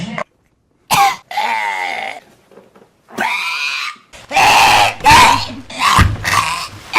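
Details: Cough.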